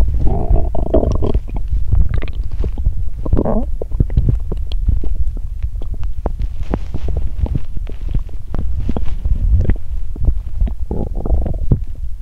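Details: Loud, long gurgling and rumbling belly sounds with bubbling runs, borborygmi from gas and fluid moving through the gut, on an empty stomach after exercising while hungry.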